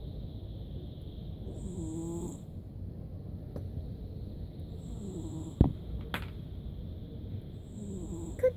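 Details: Cat named Cookie snoring during an afternoon nap: soft, low rumbling snores, about three over eight seconds, with steady room hum behind; ordinary snoring.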